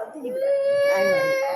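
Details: A baby girl cries after her first injection, during which blood was drawn. The sustained, strained, high-pitched wail is a pain cry.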